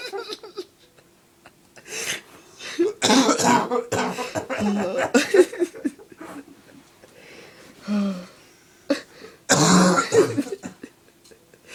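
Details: An adult has a coughing fit: a prolonged run of harsh coughs with bursts of laughter between them.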